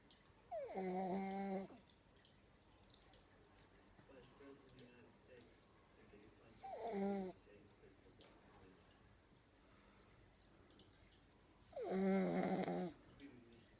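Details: Pug sleeping in a comfy position: three loud, rattling snores on the in-breath about five seconds apart, with quieter breathing between; snoring in a sleeping small dog.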